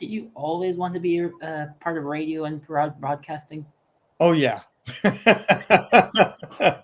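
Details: Adult male host, with a brief reply and laughter from another speaker; typical speech.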